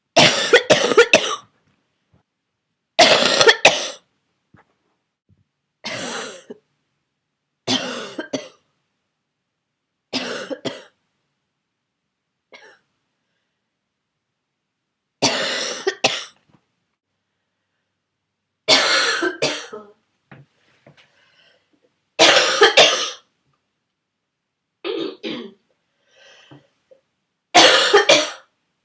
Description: An old video from when I was sick, and my throaty cough turned into barking for the first time.